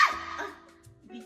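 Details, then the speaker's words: Person with Tourette syndrome, a college student, having a loud vocal tic: a single sharp, bark-like involuntary vocal burst that fades quickly. "because my tics are so loud, I have to have a quiet room to take tests."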